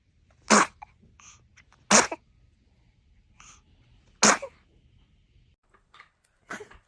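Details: Baby boy sneezing: three short, sharp infant sneezes with small gasps and squeaks between, then a softer fourth; adults say bless you and laugh.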